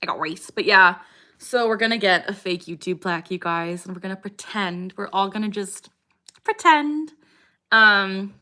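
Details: Young woman with Tourette syndrome, treated with pimozide and guanfacine, also has motor tics (shoulder shrugging, eye tics) and loud vocal tics; recurring vocal tic interrupting her speech.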